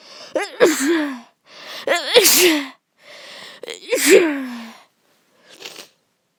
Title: allergic sneezing. sneezing from flower